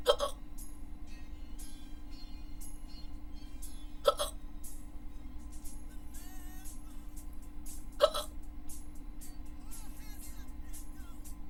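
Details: Three sharp, abrupt gulping clicks about four seconds apart, roughly 15 a minute, over background music; hiccups.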